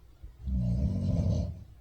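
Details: A single loud, low, rattling snore on a breath in, lasting about a second, from a sleeping woman recorded around 5 a.m.; snoring.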